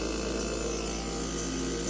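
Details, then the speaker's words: Steady mechanical hum with constant buzzing from a nebulizer compressor delivering medication to a boy during an asthma flare-up, likely allergy-triggered, while he does homework. "has the nebulizer in and he's working on what homework"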